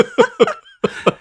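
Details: Adult recovering from a week of severe illness, voice raspy, congested and sniffly, possible allergies: about five short, voiced, slightly raspy coughs in two quick runs with a brief pause between.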